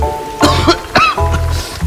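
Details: Cough.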